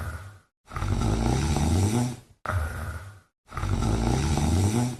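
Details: A female cat sleeping makes loud, low rumbling snores on each breath, about two in five seconds, with brief silent pauses between: snoring.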